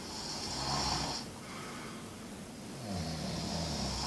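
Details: Snoring recorded in a Camino pilgrim dormitory: noisy, rough breathing with a loud snore on the in-breath, a quieter out-breath and a second snore starting, over steady room noise.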